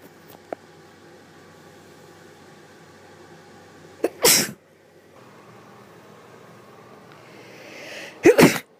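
Two sharp, explosive sneezes, each preceded by a brief intake, against quiet room noise.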